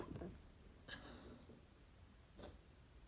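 Quiet room with a few brief, muffled bursts of air, consistent with sneezes held back.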